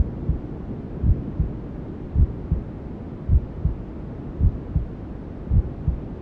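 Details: Newborn-sleep ASMR simulating womb sounds: soft muffled regular double thumps at about 55 a minute under a steady white-noise hiss, like a mother's heartbeat heard from inside the womb.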